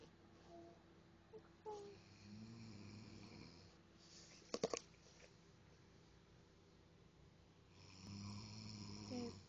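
A few low, rough, buzzing breaths during sleep with quiet room noise between them: snoring.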